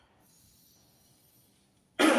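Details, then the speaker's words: Post-COVID-19 rehabilitation demonstration of effective cough: deep breath, chest expanded, held 1–2 seconds, then one forceful cough driven by the chest muscles after a quiet pause; controlled cough technique. "Ini adalah batuk efektif. Batuk efektif ini hampir sama dengan huffing, namun saat kita membuangkan nafasnya kita seperti membatukkan."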